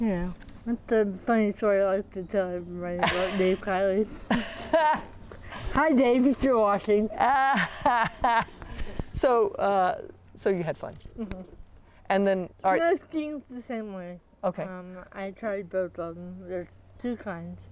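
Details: 40-year-old woman with athetoid cerebral palsy, full-body involvement (quadriplegia), moderate to severe physical involvement, GMFCS level 3/4, uses power wheelchair; speech can be hard to understand; dysarthria (athetoid cerebral palsy).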